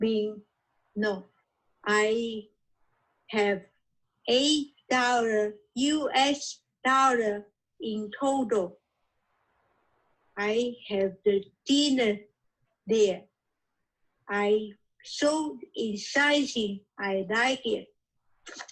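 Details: Aphasia after a stroke a few years earlier in an adult man, reading his own written podcast story during an intensive reading and writing aphasia therapy program.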